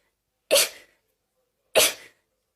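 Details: Two sharp, explosive sneezes about a second apart in a quiet room; an ordinary sneezing bout, from a rapid-sneezing compilation.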